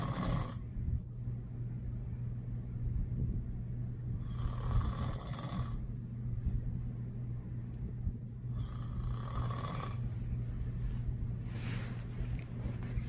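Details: Adult man, a father, snoring loudly while asleep: loud, low, rough snores in a steady rhythm, roughly five breaths a minute, over a constant room hum; heavy snoring.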